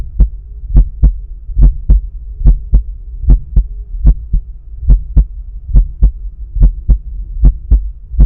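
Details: Stethoscope at the pulmonic area during breath holds. Regular paired heart sounds at about 70 beats a minute, no murmur heard: normal heart sounds.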